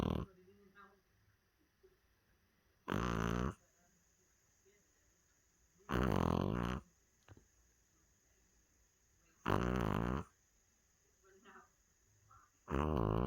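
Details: Dog snoring: loud, rattling snores on each breath in, about every three and a half seconds (roughly 17 a minute), with quiet pauses between.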